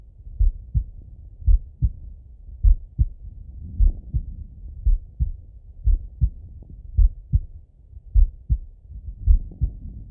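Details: Heart auscultation with a stethoscope while lying relaxed in bed: slow, steady lub-dub heartbeat at about 55 beats a minute, normal heart sounds.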